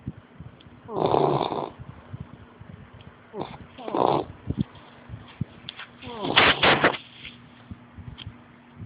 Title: American Bulldog Snoring